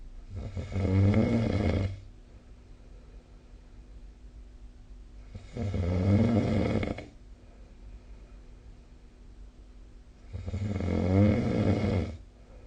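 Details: Snoring recorded with the SnoreLab app: three deep, rumbling snores on the in-breath, about one every five seconds, with quiet pauses between; loud snoring during sleep.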